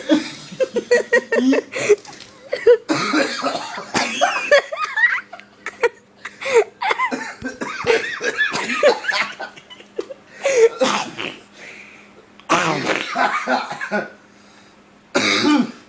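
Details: Adult in a prolonged coughing fit, repeated coughing bursts with gasping breaths between that grew worse and stranger.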